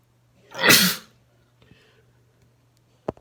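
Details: A male sneezing: one loud, wet, explosive sneeze lasting about half a second, followed by quiet room sounds and a brief click.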